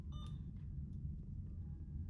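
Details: Primary and secondary IV tubing setup, secondary infusion programmed over 30 minutes at rate 100: a faint short electronic beep over a steady low room hum as the infusion pump is started.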